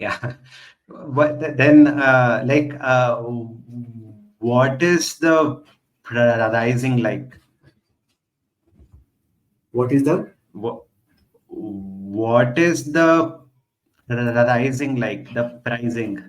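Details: Adult man who stutters, with word repetitions heard; stuttering.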